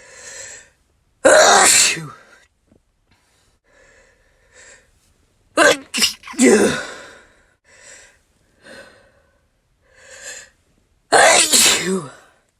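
Three loud, explosive sneezes, each after a sharp inbreath, with quieter breathy sounds between them; ordinary sneezing.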